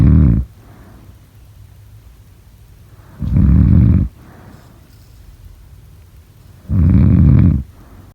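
Loud, low rumbling snores recur about every three and a half seconds during sleep.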